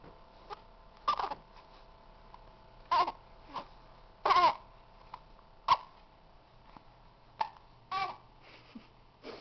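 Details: A 3-week-old baby boy in his bouncy chair with hiccups: short, abrupt voiced catches recurring irregularly, about eight in nine seconds, with faint room noise.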